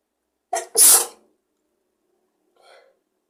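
A quick intake, then one sharp, explosive sneeze followed by a soft sigh: a single sneeze.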